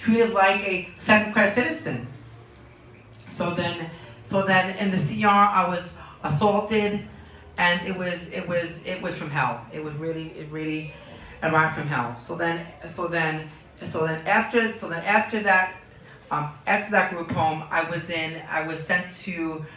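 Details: Young man diagnosed with Tourette syndrome at age four, with word and phrase repetitions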